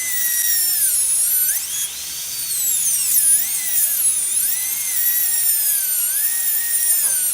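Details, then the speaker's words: High-speed dental handpiece cutting a second slot about 90 degrees around a seized handpiece nut to spread it and free a low-speed Midwest Shorty: high-pitched whine rising and dipping under load; handpiece running. "What we're trying to do is be able to kind of spread that nut apart. And free the handpiece."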